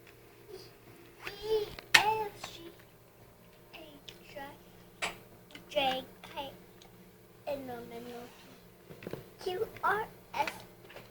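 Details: Hiccups in a child: singing in short phrases broken by sudden sharp catches in the voice as hiccups interrupt the singing.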